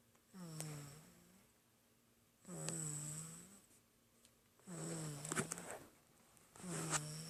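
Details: Sleeping baby snoring: soft, buzzing snores on breaths about two seconds apart, separated by quiet pauses; mild snoring.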